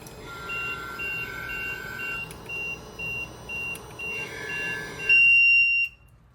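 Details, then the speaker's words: LTV ventilator alarm during a circuit change, with the patient bagged by hand and the ventilator showing disconnect: repeated short electronic beeps, then a sustained louder tone that stops abruptly as the ventilator is switched off. "Now it's saying disconnect because the patient is not on, but it has the save settings."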